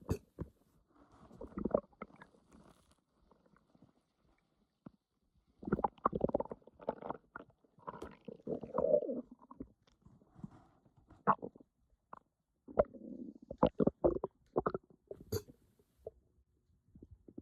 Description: I was so bloated and my stomach was upset with me.